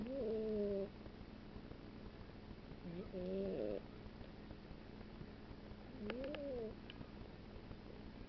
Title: Cat's snoring